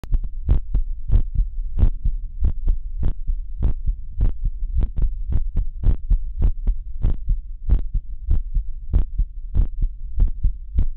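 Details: Child's heart sounds recorded with a digital medical stethoscope, steady paired thumps at roughly 95 beats a minute; normal heart sounds.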